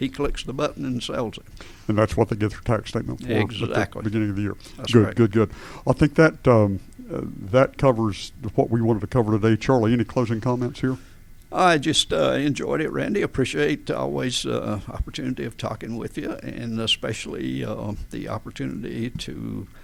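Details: Adult man with adductor spasmodic dysphonia since about 1999-2000, in which vocal folds spasm and slam together and don't release, so speaking takes extra effort and feels strangled; treated with botulinum toxin injections; adductor spasmodic dysphonia.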